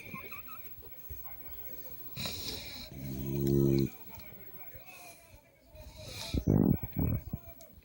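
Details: Beagle-Chihuahua mix dog snoring while sleeping next to the owner's husband: a single loud, rattling snore over a noisy room, then snuffling breaths.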